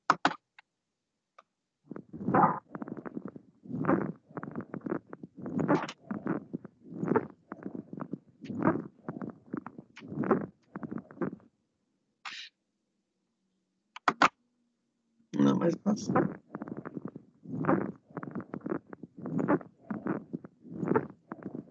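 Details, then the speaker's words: Squawks on chest auscultation, a teaching example: repeated short, low-pitched squeaky musical sounds over breath noise with a brief pause midway, characteristic of pneumonia, especially severe pneumonia. "en el graznido nosotros lo podemos escuchar eso es muy característico en las neumonías y principalmente las neumonías graves"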